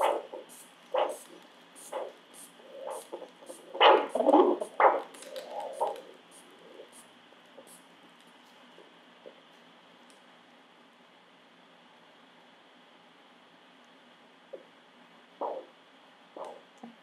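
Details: Doppler probe over the brachial artery with an arm cuff, taking brachial pressure for a toe brachial index: pulsing arterial whooshes about 65 a minute fade as the cuff inflates and return on deflation, marking systolic pressure.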